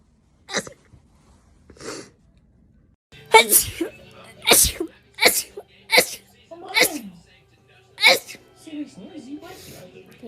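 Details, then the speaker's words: Repeated rapid sneezing from a compilation: a run of about eight sharp sneezes with brief voiced sounds between, over faint background music. "the need to sneeze is real i hate sneezing i hate it right now i hate it other times i don't care but i hate it right now"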